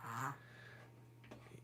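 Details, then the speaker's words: A dog gives a brief, honking, quack-like snort of reverse sneezing over a steady electrical hum. "It's reverse sneezing. I I'm assuming you can hear it. Um he We found out after we named him Ducky that he does this. And it sounds like he's quacking, which is just incredible."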